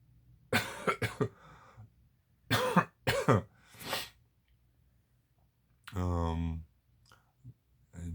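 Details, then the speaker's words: Harsh, partly voiced coughing in two short clusters, then a brief voiced throat sound, in a quiet small room; person still recovering from illness, still hoarse and coughing a lot; cough. "still a little horse as you can hear, but I'm fineish. Uh, just coughing so much. So, so much."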